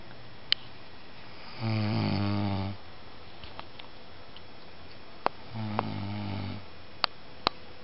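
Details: Two loud, low rattling snores a few seconds apart in a quiet room, with occasional sharp clicks, from an adult man after a weekend of MD; snoring.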